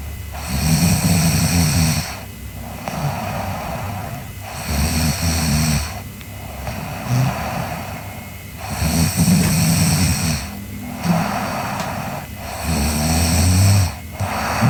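Loud, rumbling snores with each breath in, about 15 breaths a minute, in a slow, somewhat irregular rhythm: ordinary snoring.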